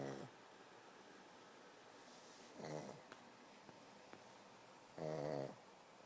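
Irregular buzzing snores about three seconds apart, with faint clicks between them in a quiet room; snoring.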